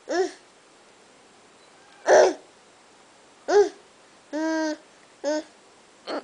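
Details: A mother's hiccups: short, sharp voiced gulps about every one to two seconds, with a brief vocal sound from her laughing child among them.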